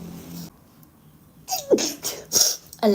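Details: Spanish-speaking women: a quiet pause, then a sharp inhaled catch and explosive hissing bursts, with sniffling and nose-blowing around them: sneezing.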